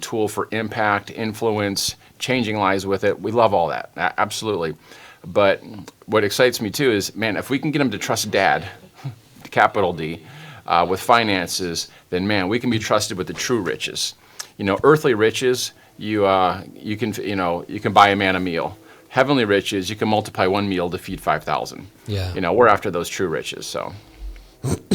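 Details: Adult man speaking; normal voice.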